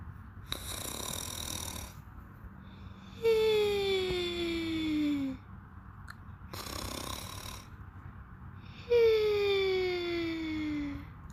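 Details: Snoring: two cycles, each a rough inward snore followed by a high, falling whistle on the out-breath; about ten breaths a minute.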